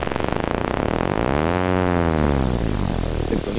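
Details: Needle EMG myotonic discharge in myotonic dystrophy: buzzing discharge whose pitch rises then falls, like a diving airplane.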